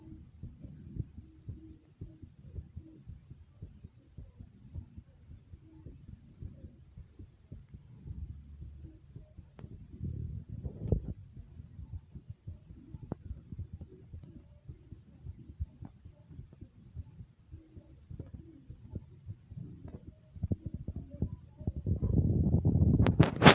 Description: i was recording my heartbeat i hope you guys like it as much as i like recording it like comment subscribe and enjoy #heartbeat #sound #subscribe